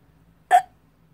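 A single abrupt, loud voiced 'hic' from a sudden catch of breath in a quiet room: a hiccup.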